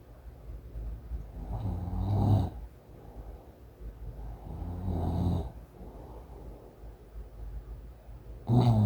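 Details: Boyfriend with sleep apnea (polysomnography: 70 apneas per hour, about four times the CPAP threshold of 15) using CPAP: loud, low, rough breaths about every three seconds over steady machine hum, residual snoring and heavy breathing.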